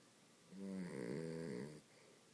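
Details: Dachshund sleeping in and snoring, described by its owner as only lightly snoring: one loud, droning, buzzy snore lasting over a second.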